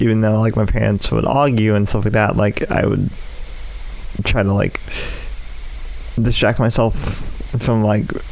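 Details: Adult male with cerebral palsy affecting the right side of his body, which he says causes his speech impediment; speech impairment (dysarthria with cerebral palsy).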